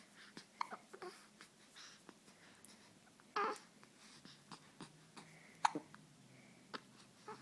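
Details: Baby hiccups: soft, short catches in the infant's breathing recurring about every second, with small vocal sounds.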